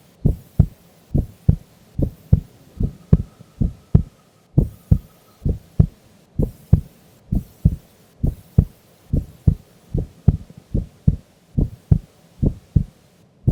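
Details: Sleeping adult female during an afternoon nap: steady, regular lub-dub heartbeat at about 68 beats a minute with clear paired first and second sounds; normal heart sounds.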